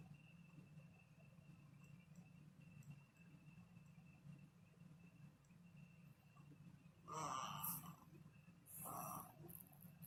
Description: My baby, now 2 yrs old, used to snore as a new born. Super cute!